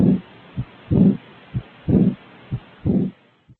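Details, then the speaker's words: Aortic regurgitation (insufficiency) murmur heard with stethoscope diaphragm at the third and fourth left intercostal spaces, patient sitting up, leaning forward, exhaled breath held: regular beat near 60/min, each sound trailing into a soft blowing murmur. "so listen to the third and fourth left intercostal space with the diaphragm if present aortic insufficiency may sound like"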